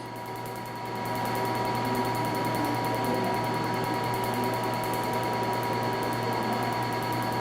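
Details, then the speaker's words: Steady machine hum with rapid fine ticking and constant tone: a PicoSure picosecond laser at about 3–3.2 mm spot firing very rapid pulses at the start of a first tattoo-removal session, working from the top down. "on bloque ont fait un tir de dr tu donc ça va être des tirs extrêmement rapide et vous allez voir on va démarrer la première séance donc on va démarrer par le haut voilà on est parti"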